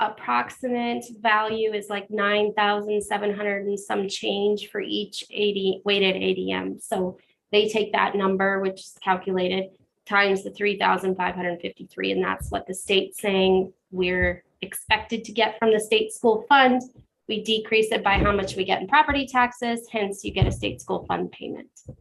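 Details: Adult woman speaking; normal speech.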